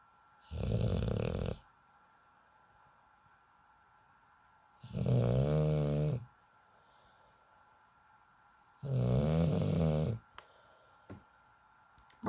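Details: Snoring in sleep: three long, low, rattling snores about 4 seconds apart, roughly 15 a minute, with quiet pauses between.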